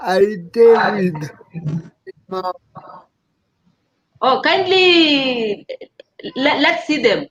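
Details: Dysarthria in an adult man living with cerebral palsy.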